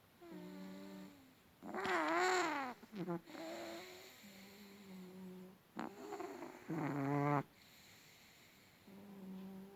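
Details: Sleeping small long-haired Chihuahua, vet found nothing wrong: repeated whistling, squeaky snores alternating with louder rattling snorts; sudden explosive snoring.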